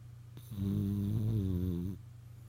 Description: Ozzy the Frenchie snoring and dreaming